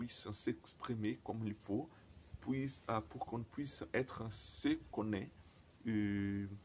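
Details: Man who stutters, speaking non-native French; he says his stuttering very often involves silent blocks; stuttering.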